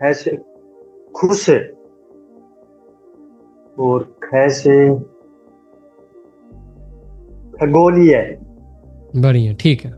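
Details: Participant in an online stammering-improvement class, speaking Hindi; stuttering.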